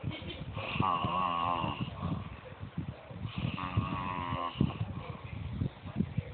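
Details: Person snoring while being teased: two long, groaning, voiced snores with low rattling breaths between them, against background room noise.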